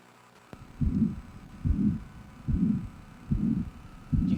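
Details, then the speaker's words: Mitral regurgitation from a valve not closing tightly, e.g. calcium deposits: regular heartbeat near 72 a minute with a whooshing turbulent murmur of backflow into the atrium blurring each beat. "so with that mitro valve having those issues that blood is going to flow back into the atrium as it flows back it's going to be turbulent sounding and so you're going to hear that were"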